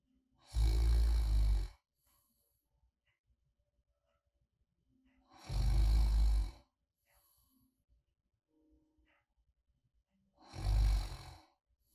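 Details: Light snoring ASMR, like a friend sleeping soundly beside you, made after a sleep apnea oral appliance user slept too quietly; deep rumbling snores on each breath, about 12 a minute, with quiet pauses: snoring.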